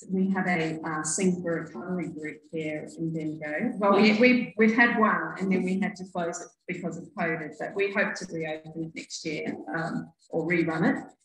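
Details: Adult woman speaking; typical speech.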